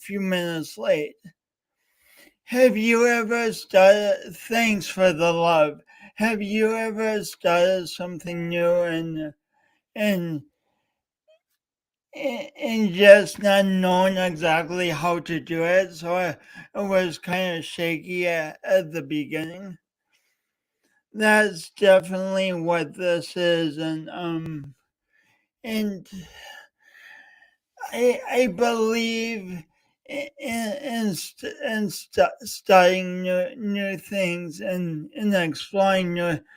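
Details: Real speech impediment with stuttering-like disfluency in a male speaker coached for years, heard during a three-hour live talk-a-thon he set as a challenge for his own voice.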